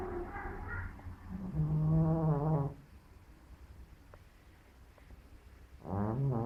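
Two loud, low rattling breath sounds with a quiet pause between, a pet cat snoring in sleep.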